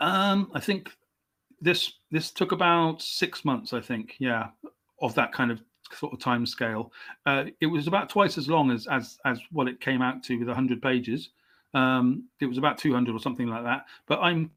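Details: Adult male English writer who has stammered since age five; stammer comes and goes, was worst at 29 when he had speech therapy, and remains present; stuttering (stammering).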